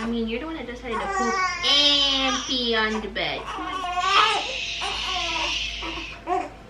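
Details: Newborn girl's normal cry on waking hungry, during a diaper change: high-pitched wailing with rising and falling tone and fussing.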